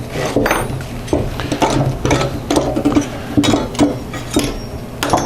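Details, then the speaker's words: Repeated clicking and ratcheting mechanical sounds as the last of three fixator wires is tensioned on a hexapod circular fixator applied to the foot to correct a 60-degree hyperequinus foot contracture. "and then i'll tension the wires i'm tensioning the last of these three wires"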